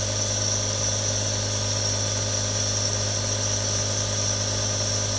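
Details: One of three real nebulizers running: a steady, unbroken mechanical hum with a low drone and a constant airy hiss from the compressor.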